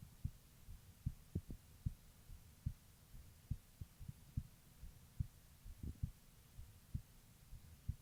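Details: Heartbeat of a female: steady, regular low lub-dub thumps at about 70 beats a minute, with paired beats clearly heard.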